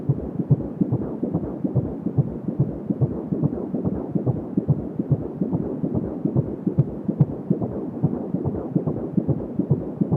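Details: Fetal heart sounds at 16 weeks of pregnancy: fast, steady whooshing thumps around 140 a minute over constant rushing noise.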